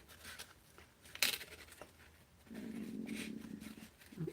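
A low, drawn-out gurgling rumble among scissor snips and paper sounds: ordinary stomach growling.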